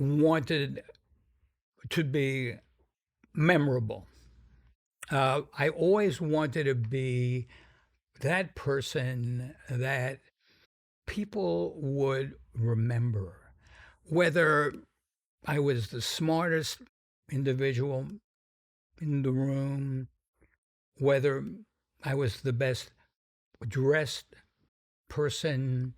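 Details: Adult man who stutters, sometimes noticeably, described as a pretty strong stutter whose severity varies; stuttering.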